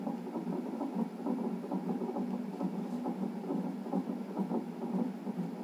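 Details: Fetal heartbeat on a non-stress test monitor in a pregnancy with polyhydramnios, reactive result: fast whooshing pulse at roughly 136 beats a minute.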